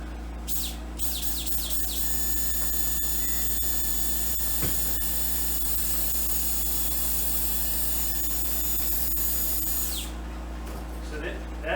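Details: Surgical bone drill during arthroscopic shoulder dislocation repair and biceps tenodesis in an adult male officer injured doing dips: steady high whine for about eight seconds over operating-room noise, drilling a hole in bone for a suture anchor.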